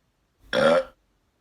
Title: The Burp Contest